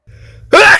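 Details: A short intake of breath, then a loud explosive burst, from a sneezing compilation: the gasp before a sneeze.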